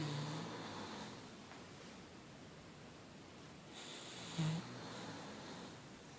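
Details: Two slow, low rattling breaths over steady room noise, snoring compared with a bulldog's; soft snoring.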